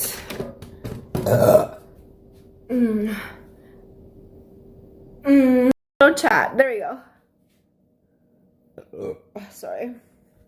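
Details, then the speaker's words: During a live stream, several loud, drawn-out voiced belches come among bits of talk, with a faint steady hum in the background, and the streamer apologizes for the burp; repeated burping. "sorry about the burp"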